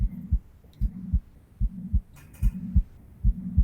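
Regular heartbeat at about 73 a minute, with a humming sound filling the gap between the two heart sounds: a heart murmur.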